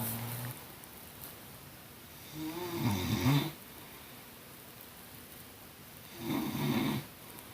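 Two loud rattling snores on the in-breath, about one every four seconds, over steady room hiss; ordinary snoring.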